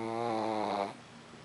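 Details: Pug snoring: a loud, buzzing, tonal snore on the in-breath, then quieter breathing.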